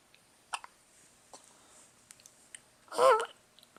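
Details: Several soft, abrupt catches in a quiet room, then a brief vocal sound from an infant who often gets hiccups; ordinary infant hiccups.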